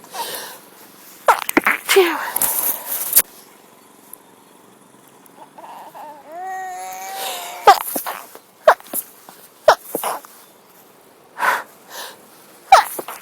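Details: Sneezing fit outdoors in a park on a sunny, breezy day, likely from a cold, possibly mild tree pollen allergy: several quick sharp sneezes with breaths between, wind noise.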